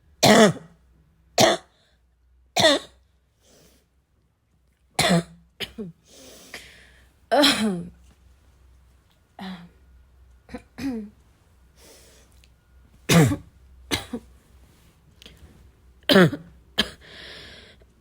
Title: my chest really needed a good coughing fit